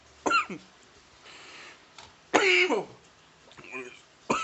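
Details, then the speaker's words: Several harsh, explosive coughs with a throat-clearing quality, separated by brief pauses; a coughing fit in an adult man outdoors right after inhaling strong smoke, which he says went down the wrong pipe. "Oh, sorry if I'm coughing. Or RP ears. Holy shit. I'm not sure how, but it went down the wrong pipe somehow."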